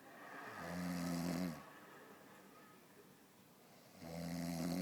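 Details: Snoring: two deep, rumbling snores on breathing in, a few seconds apart, with quieter breathing out between.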